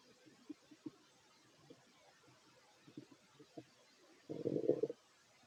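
Faint low gurgles and bubbling, then a louder rumbling growl lasting about half a second: ordinary stomach growling.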